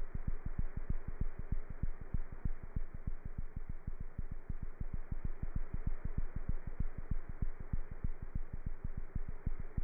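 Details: Cat heart sounds through a stethoscope: rapid, very regular heartbeat at about 190 beats a minute with a steady background hiss.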